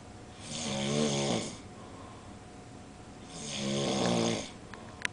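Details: Person napping in a hotel room: two long, loud, rattling snores on the in-breath, each lasting over a second, with a quiet pause between them: snoring.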